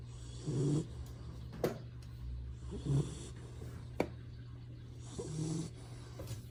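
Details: Baby retriever puppy, adopted three days earlier, sleeping: soft, low snorting snores repeating several times against a steady background hum; light snoring.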